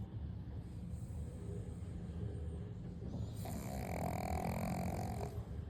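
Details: Sleeping pug snoring: low rumbling snores with a louder snorting breath toward the end.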